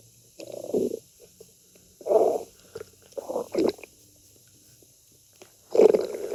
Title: China stomach growling